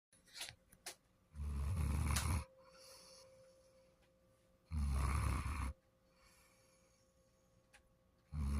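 Loud, low rumbling snores about once every three seconds, around 18 a minute, with quiet gaps between them. Ordinary snoring.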